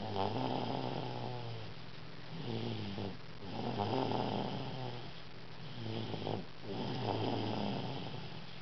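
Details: 2-year-old child snoring during sleep: continuous rattling, vibrating snores with each breath in and out.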